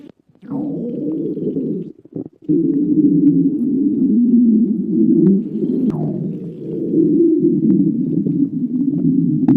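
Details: Stomach growling: a long, low, gurgling rumble lasting several seconds with a brief break; ordinary borborygmi from gas and fluid moving through the gut.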